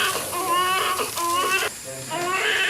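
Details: Newborn just after a forceps-assisted delivery, weighing 6 pounds 6 ounces and reported fine: strong, repeated, loud, full-voiced crying with faint room noise; a healthy newborn cry.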